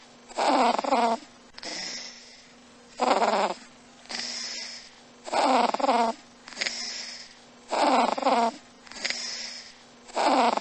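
A cat snores in a steady rhythm, about 25 breaths a minute: a loud rattling snore on each in-breath, then a softer breathy out-breath, over a faint background hum.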